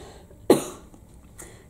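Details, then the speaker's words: Single short forceful cough with a faint second exhalation, quiet room, from a woman on breast cancer treatment with cough and breathlessness. "so i'm going there today just to get this cough breathlessness looked at"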